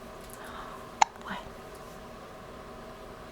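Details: Infant girl with hiccups: a single sharp, abrupt hiccup over quiet room noise, followed by a faint, soft voice sound.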